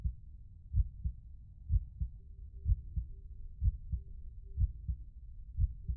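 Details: Regular soft double heartbeat thumps at about 60 beats a minute over a faint background hum; a steady heartbeat.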